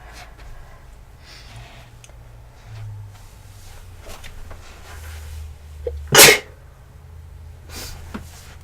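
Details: One loud, explosive sneeze after faint breathing and sniffing, in a quiet room, from a person unwell and feverish, reportedly worsening, with a tickly nose.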